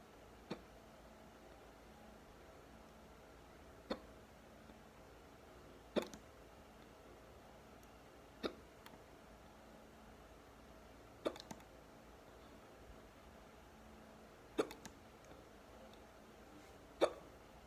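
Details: Seven sharp, abrupt, deep hiccups at irregular intervals, roughly 25 per minute, in a quiet room; hiccups.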